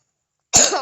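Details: Single sharp cough burst after silence from a sick child with a cough.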